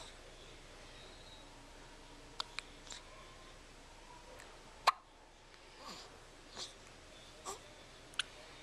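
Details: 9-day-old newborn with hiccups: several brief, sharp hiccup clicks at irregular intervals against quiet room noise.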